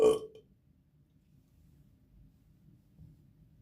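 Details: One short burp at the start, then near silence; burping.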